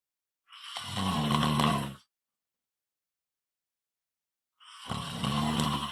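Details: ASMR snoring recording: two loud, rough, rattling breath sounds separated by silence. Snoring.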